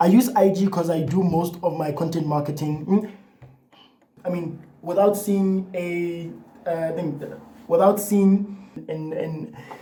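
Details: Adult man who has stuttered all his life, in therapy for about a year and a half, doing breathing exercises and attending a support group, so the stutter may be partly masked; stuttering.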